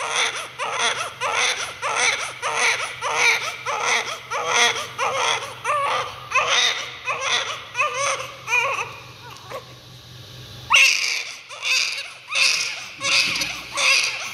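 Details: Rhythmic, high-pitched cry of a freshly born baby at first cry, short repeated bursts about 88 a minute with a brief pause; vigorous newborn cry.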